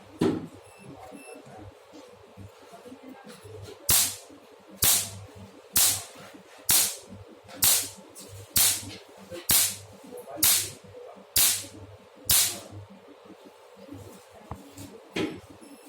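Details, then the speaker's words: Pico laser, 1064 tip, fired via foot pedal on a hammer as test target; sharp crisp snapping pulses about once a second, roughly 65 a minute, over quiet room noise. "Click on ready. Use the foot pedal to operate the handle."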